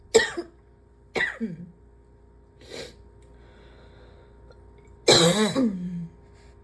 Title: #72 - more of this gross cough